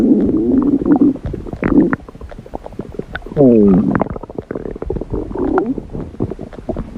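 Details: Red panda's belly: low, drawn-out rumbling and gurgling with music in the background; ordinary stomach growling.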